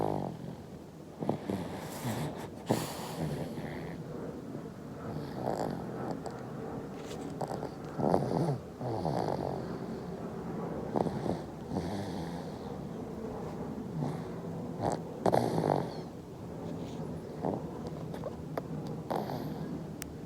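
Soft, irregular snuffly snoring noises from a sleeping baby, with occasional brief snorts and sucking-like sounds against quiet room noise; infant snoring.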